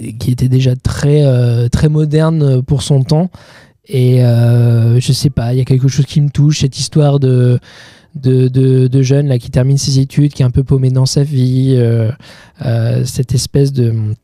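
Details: 31-year-old man with stuttering that he says is now mild after working on it a lot; stuttering.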